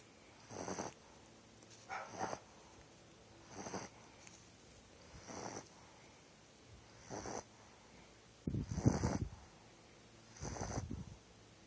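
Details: 8.5-week-old Pitbull puppy snoring: soft, snorting snores roughly every 1.5 seconds, about seven in all, with quiet background hiss.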